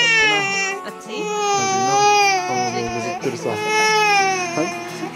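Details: Low-birth-weight infant boy aged 8 months 18 days, woken from sleep in mother's arms after breastfeeding, crying fussily and sustained with long wails and short catching breaths; soft background music; grumpy infant crying.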